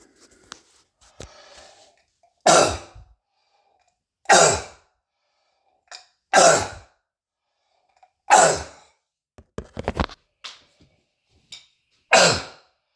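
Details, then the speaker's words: An adult with self-described croup and bronchitis and a throat tickle gives five loud, harsh, barking coughs a few seconds apart, with quick breaths between. This is a barking cough (croup). "you hear you hear how the way my cough is Echo filing against the walls okay"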